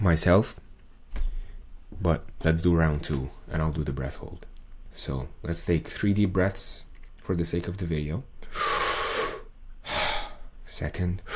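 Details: Adult male with muscle tension dysphonia, diagnosed by an ENT via laryngoscopy in late 2022; this is a recording from before 2023, before his exercises, when a 40-second video took him about 45 minutes to record.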